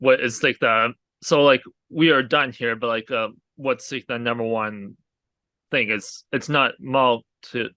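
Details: Aphasia in an adult man, a real stroke survivor, caused by a hemorrhagic stroke from an arteriovenous malformation at age 20.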